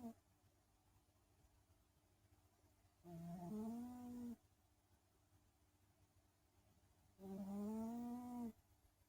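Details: Sleeping cat snoring: two drawn-out, buzzing, tonal snores about four seconds apart, roughly 14 breaths per minute, over faint background hum.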